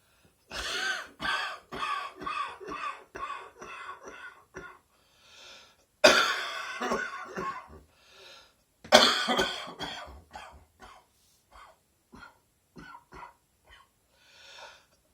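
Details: Chesty (productive) morning cough: repeated runs of deep, harsh coughs with throat clearing.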